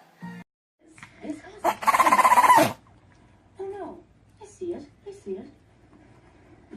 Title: Sneezing Animals Funny Sneeze Attacks Funny Pets